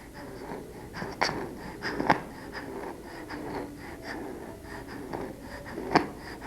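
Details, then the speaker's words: Expiratory wheeze in a sick child (2 months–5 years) in a WHO IMCI training exercise: noisy, rapid breathing with a musical wheeze on each breath out, harsh inspiratory stridor absent. "we heard a wheezing sound when breathing out therefore we decided that did not have stridor stridor is a harsh sound on breathing in this child has we when breathing out"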